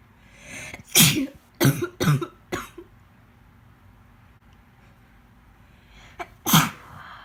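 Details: Woman about three and a half months pregnant with pneumonia: a burst of four sharp sneezes, then a pause and two more, some with a coughing quality, plus some coughing; repeated sneezing.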